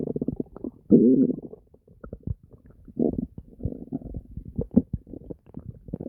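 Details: Bowel sounds (borborygmi): constant gurgling and deep growling stomach noises.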